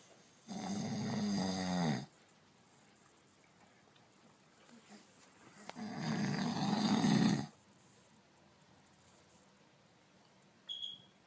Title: Baby scared by dad snoring.!